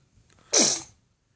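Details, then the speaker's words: Single short, high, breathy sneeze with a faint breath before it from a baby being fed peaches, sneezing repeatedly; caregiver jokingly asks if he is allergic; sneeze. "Well, goddamn, what? Are you done sneezing?"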